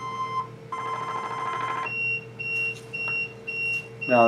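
Steady electronic tones and repeated beeps from a treatment device firing pulses during an abdominal session, with room noise and a short burst of talk.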